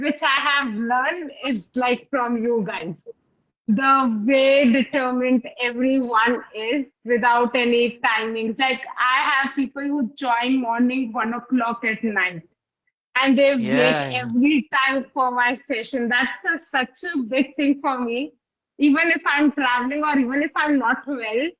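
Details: Adult woman speaking; typical speech.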